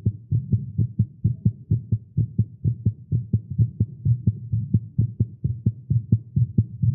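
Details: Male heartbeat after exercise and caffeine: fast, strong beats at about 130 a minute with slightly uneven spacing; tachycardia, tagged as irregular.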